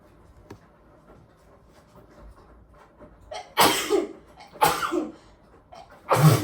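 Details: Sneezes from a real bad nose tickle while cooking with spices, washing machine running: quiet sniffing and catching breaths, then three forceful sneezes in quick succession.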